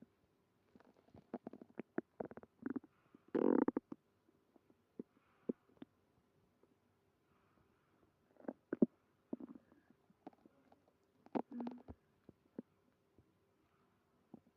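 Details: Stomach growling with tummy trouble and stomach pain after eating creamy pasta: irregular gurgles, squelches and short rumbles in a quiet room, with a louder growl early on; active bowel sounds.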